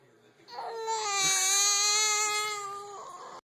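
One long, steady, high-pitched wail from an infant, rising and then trailing off in a small room: a sustained infant cry.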